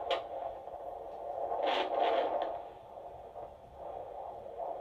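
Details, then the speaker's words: Fetal heartbeat checked by Doppler during a hospital check in labour: a whooshing fetal heart signal that fades in and out as the probe searches for a louder spot. "They checked baby's heartbeat, blood circulation, all of that jazz, and then they gave me the vaginal check to see obviously if I've dilated, if my waters have broken, blah blah blah."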